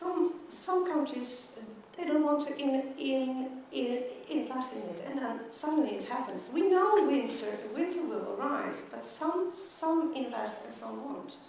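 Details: Stuttering in an adult woman who stutters, a keynote speaker at a world congress for people who stutter.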